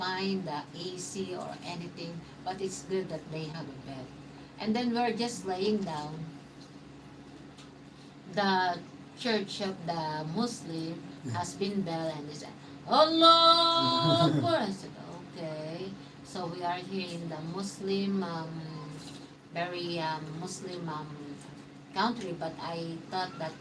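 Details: Mild aphasia after stroke in a man 115 days into self-therapy; restarts his sentence with hesitations.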